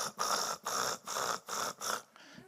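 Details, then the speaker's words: Adult volunteer at a sleep disorders lecture deliberately imitates snoring on request, four rhythmic rough rattling breaths; imitated snoring demonstration. "Your turn. Try to snore a little louder, please. Come on. That's a That's the cutest snore I've heard."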